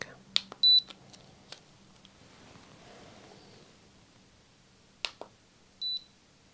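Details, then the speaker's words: Handheld non-contact forehead thermometer in a simulated ASMR medical role play, normal reading: short high electronic beeps with soft handling clicks in a quiet room. "voy a apuntarlo a la frente está bien tenemos una lectura de 36.7 así que es bastante preciso"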